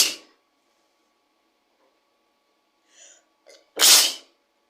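A sharp burst at the start, a soft intake of breath, then a loud explosive sneeze; two sneezes in a quiet room.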